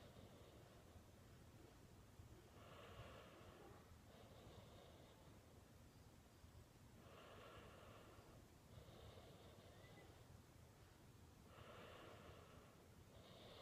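Repeated noisy, snorting breaths about every two seconds against steady background hum, fitting snoring.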